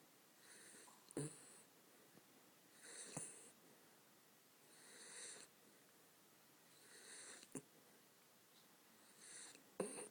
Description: dropping off to sleep and snoring xxx